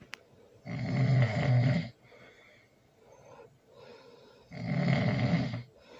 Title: #ASMR #SNORING #LOUD ASMR loud snoring with baby